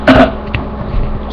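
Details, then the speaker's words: Adult who has just woken up gives a single short, harsh cough, followed by quiet room noise and a faint throat sound. "not cool to cough in videos, but I can, cause I'm Batman."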